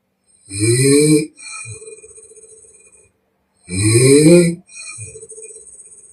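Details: Chinese young woman in real deep sleep, recorded with permission, blowing air out through the mouth: two cycles of very loud, harsh open-mouth snores, each followed by a rattling, fluttering out-breath; heavy snoring.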